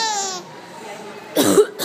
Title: Mommy coughing laughing:))